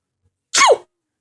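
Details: A single short, explosive burst of air with a falling tone; one sneeze.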